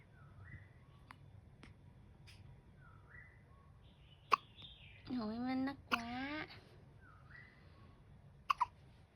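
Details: Newborn baby in the first month with continuous hiccups: sharp, brief hiccup sounds singly and in a close pair, with a short cry between, in a quiet room with birdsong.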